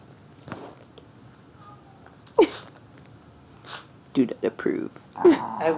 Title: sneezing at David